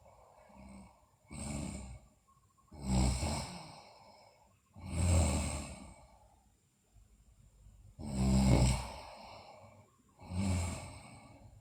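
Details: Sleeping girl snoring: noisy, sighing breaths with a rough snoring edge, about five in twelve seconds, separated by near silence; snoring during sleep.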